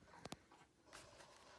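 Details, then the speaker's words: Cough from Banjo, a dog who is unwell today: a few faint, abrupt cough bursts in the background of a quiet room. "And if you can hear that coughing in the background, that's actually Banjo because she's not feeling well today."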